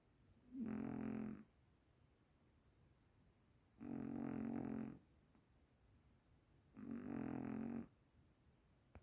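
Three steady, buzzing snores about three seconds apart, roughly twenty breaths a minute, with quiet room between them.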